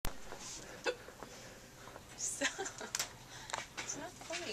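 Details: Hiccups in a store: brief, sharp gulping hiccups at irregular intervals amid room noise and talk.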